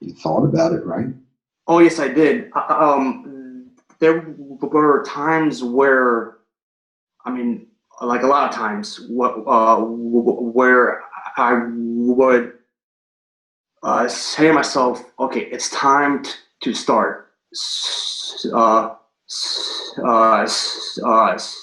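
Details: Stuttering in an adult man who has stuttered since third grade, recorded before starting a stuttering coaching program.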